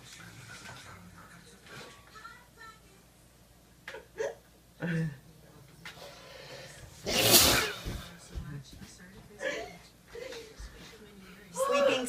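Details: Sleeping person gives a single loud, sharp sneeze amid quiet room noise and soft background voices.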